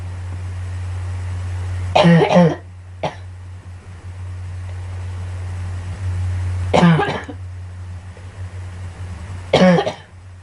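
Three short bouts of cough, each two or three quick bursts, with a steady low hum in the background; a child's cough.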